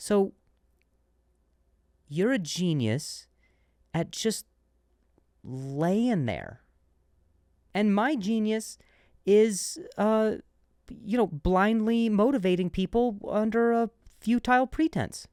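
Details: Adult male comedian who stutters and says he switched to a different word after stuttering on one; word repetitions; stuttering.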